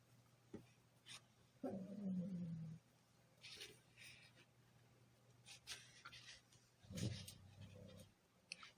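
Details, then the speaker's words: Dog sleeping under a desk snores with two low, rumbling breaths over soft clicks and handling noise in a small room; snoring. "You hear that? That's the dog snoring under the desk."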